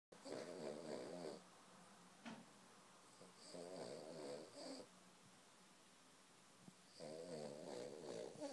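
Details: A sleeping Cavalier King Charles spaniel snoring while dreaming: three long, rough, vibrating snores of about a second each, with quiet pauses between them.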